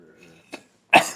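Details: Older man with coughing and lung congestion, said to be improving, possible lung infection not ruled out: a faint voice trails off, a small throat catch, then one loud harsh congested cough.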